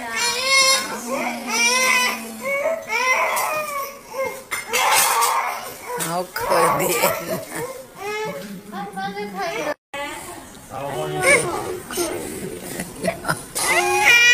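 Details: Infant's pain cry after an injection: loud, high-pitched, sustained crying in repeated wails with brief catches of breath.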